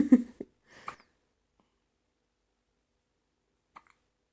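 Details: Five-day-old newborn with hiccups, going cross-eyed: a few soft, abrupt hiccup sounds separated by quiet pauses.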